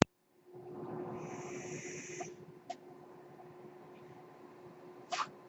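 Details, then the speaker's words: Rushing hiss of delivered air over a steady machine hum with sharp valve clicks: the speaker's own mechanical ventilator cycling, recorded in a podcast. "That noise you're hearing is my ventilator."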